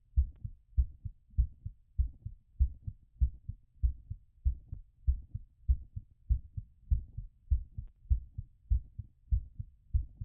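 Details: Stethoscope auscultation during post-exercise recovery: normal heart sounds after exercise.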